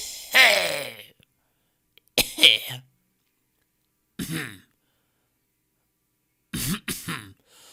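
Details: Stock audio of people coughing in varied styles: four separate ordinary coughs and throat-clearing bursts, some as quick double hacks, with silence between.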